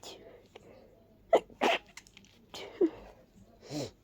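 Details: Person with a stuffy head cold sneezing into tissues: two quick sharp sneezes, then a sniff and a softer breathy sound.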